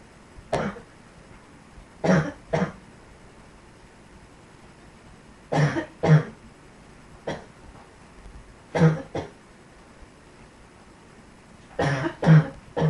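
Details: Dog's recurrent cough: short, hacking coughs, mostly in pairs, about ten in total with pauses between them.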